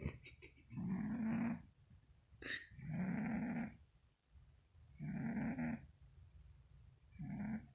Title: Cat snoring